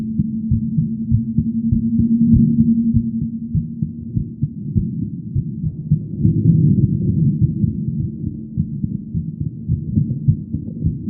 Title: female heartbeat sound